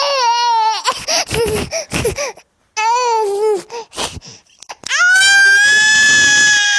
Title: Hungry Baby crying loud sound effect (shouting) - 아기 우는 소리 효과음 (크게 우는 소리)